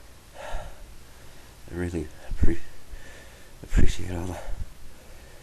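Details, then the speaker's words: Person who has been sneezing a lot all day and says they sneeze all night: two sharp inward gasps, each followed by a loud explosive sneeze, in a quiet room; repeated sneezing. "I'm not done yet I'm to sneeze again excuse me I sneeze all night"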